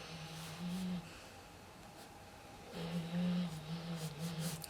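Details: Dog snoring in a quiet room: a low, droning rumble on each in-breath.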